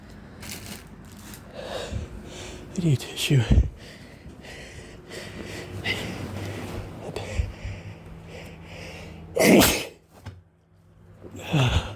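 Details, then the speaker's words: Sneeze after gym workout outdoors in spring, nose itching with heavy breathing, plants suspected: sniffing and heavy breathing, sharp intake, then one forceful explosive sneeze in a quiet room. "My nose is itching because breathing heavy because I just got done working out."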